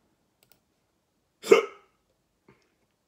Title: Hiccups wont stop